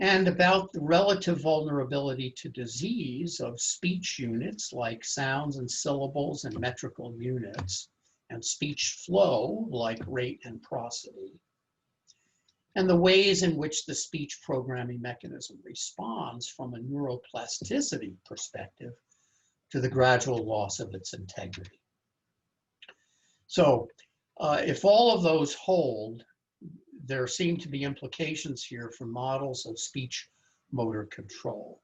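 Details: Adult male lecturer; typical speech.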